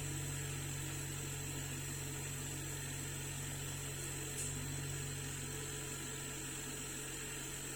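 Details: Steady low mechanical hum with a constant high whine from a running oxygen concentrator under repair for no oxygen output, during leak checks; compressor noise.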